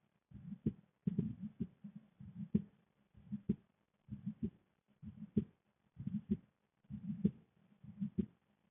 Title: Visible female neck pulse with heartbeat sound